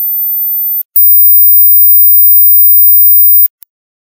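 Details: Very high, thin steady tone lasting a few seconds, barely audible to many adults; a high-frequency "mosquito" hearing test tone for checking how high one can hear.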